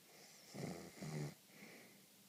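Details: A single low, fluttering snore in two pulses over about one second, over quiet room hiss; ordinary snoring.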